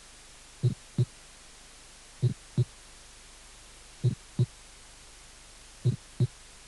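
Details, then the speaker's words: Aortic ejection click from a cardiac auscultation teaching course, a sharp early systolic click just after the first heart sound. "y clic histórico aórtico"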